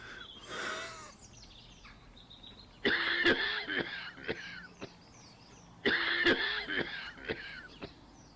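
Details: Two short bouts of harsh, partly voiced coughing outdoors, with birdsong and rustling around them; cough.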